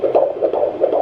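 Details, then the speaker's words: Handheld Doppler at a midwife appointment, 19 weeks pregnant: rapid whooshing fetal heartbeat at 150–160 bpm, normal for this small size, since rate slows as the baby grows; the fetus was later diagnosed with a VSD at the 20-week scan. "Generally, the smaller they are, the higher it is that the heartbeat is. So it's in between 150 and 160 at the moment."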